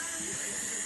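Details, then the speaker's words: Child with a cough receiving a nebulizer (steam) treatment: a steady, high-pitched hiss of the running nebulizer, with no breaths or coughs clearly heard. "teman-teman tuh lagi diuap teman-teman dia lagi batuk doain Cepat sembuh ya"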